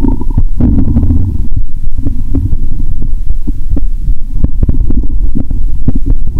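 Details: Borborygmi via stethoscope over the abdomen of a woman after drinking cola, belly described as bloated; loud, continuous gurgling and rumbling with bubbling pops, active bowel sounds.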